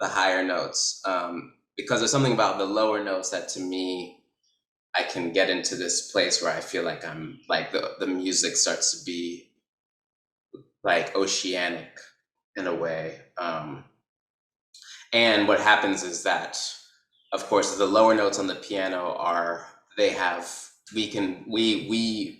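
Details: Adult man who describes himself as a person who stutters, speech showing repetitions and blocks; stuttering.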